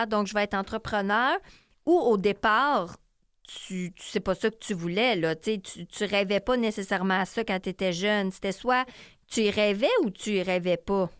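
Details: Adult woman; typical speech.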